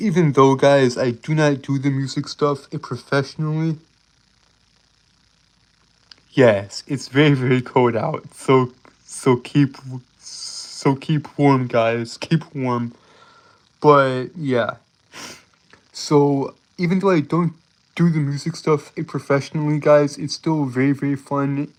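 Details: Stuttering in a male streamer who reports a speech impediment that makes him stutter and trip over his words.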